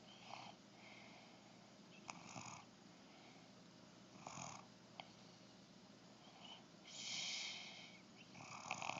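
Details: Cat with a cold snoring through congested nasal passages: repeated soft, hissing, rattly breaths, some louder and whistling; snoring with nasal congestion.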